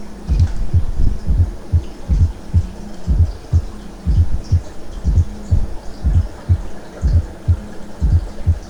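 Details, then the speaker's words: Fourth heart sound (S4, atrial gallop) produced by left atrial contraction just before the first heart sound: low-pitched heart sounds at about 61 per minute with an extra soft sound preceding S1. "cuando se lleva a cabo la contracción de la aurícula izquierda es cuando se genera ese cuarto ruido llamado galope auricular o también se le conoce como ruido de suma"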